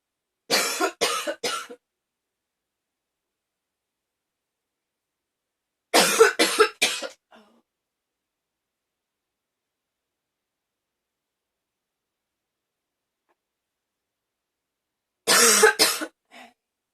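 Three bursts of harsh, rough coughing, each a rapid run of three or four coughs, separated by quiet pauses: a coughing fit.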